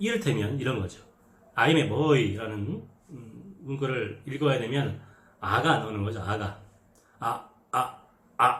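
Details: Adult man who stutters demonstrating the speech blocks he had as a new middle school student reading aloud in class, with quickened breathing and secondary body movements made in the effort to speak: stuttering (speech blocks)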